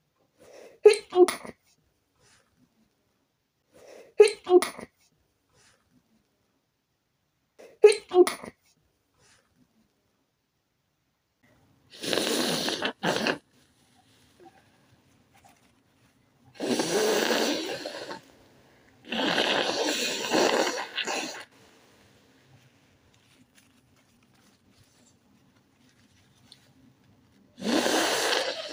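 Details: An adult sneezes repeatedly in a quiet room after a few days without sneezing: three short stifled sneezes, then several longer breathy bursts. Sneezing.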